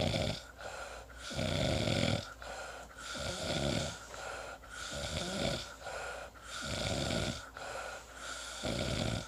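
Rhythmic low rattling snores, about 17 breath cycles a minute, with a steady room hum in the background.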